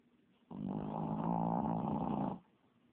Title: Puppy Mill Rescue Dog "Cherry" Snoring